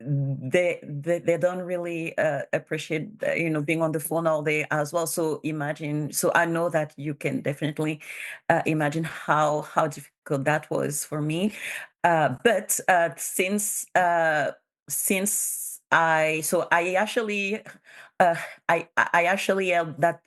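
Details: Bilingual adult woman who stutters; stuttering.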